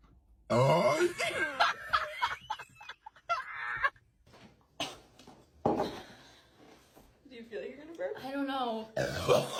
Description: Ranking the most iconic Sprite Challenge burps 😮💨